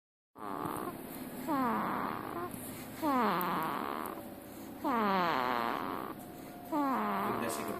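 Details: Baby snoring: rhythmic snores with a high, whistling, voiced quality on each breath, about every two seconds.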